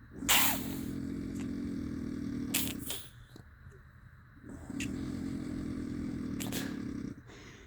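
Two long, loud, rough rattling breaths in, each lasting about two to three seconds, with quieter breathing out between them: heavy snoring.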